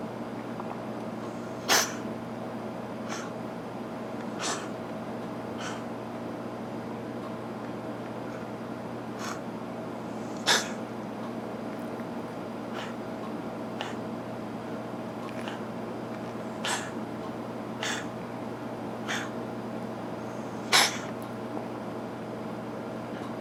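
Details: A cat gives a run of short, sharp, snorting coughs every second or two; episodes now occur daily, sometimes several times, lasting 20–30 minutes, with no hairball ever produced; the cat eats cat grass; the owner suspects feline asthma rather than hairballs.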